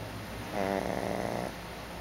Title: Barrack Snorefest.AVI